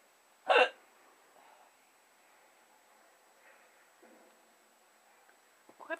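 A sharp, abrupt hiccup followed by quiet, then the start of another; ordinary hiccups.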